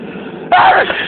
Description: Today I had a very intense and loud sneezing fit...enjoy